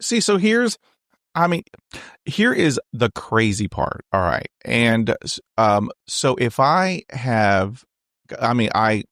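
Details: Stuttering in an adult man, real, a person who stutters; spontaneous conversational podcast speech.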